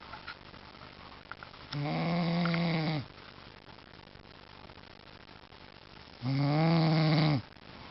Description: My dad snoring on the couch